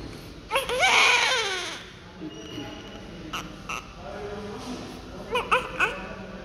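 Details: Newborn just after delivery: short, high-pitched wavering vigorous cries with quiet gaps and faint room noise.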